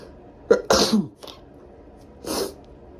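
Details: Deliberately induced, tickly sneezing before a shower: two explosive, hissing sneezes, the first with a sharp onset, over steady room noise.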